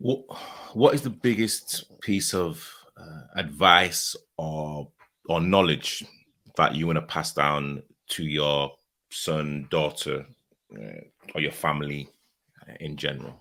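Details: Adult male speaker; Normal speech.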